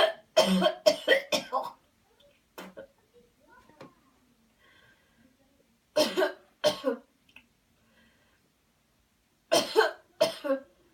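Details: Demonstration of a coached airway-clearance coughing technique after paced counting and a deep breath in: several bursts of forceful coughing separated by quiet pauses with faint breathing.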